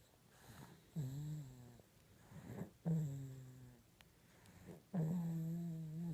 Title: Baby Snoring